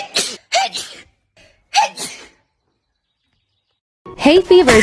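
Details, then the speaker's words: Several separate sharp, explosive sneezes from different people in a sneezing compilation, with short gaps and a voiced burst at the end. "Tell me you have hay fever without actually telling me you have hay fever."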